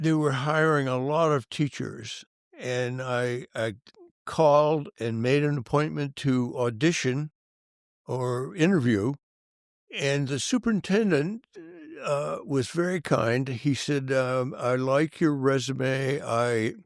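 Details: Adult male band director with stuttering, severe in youth and persisting; he says he still stutters, and an employer once called it a slight stutter. Finding: stuttering.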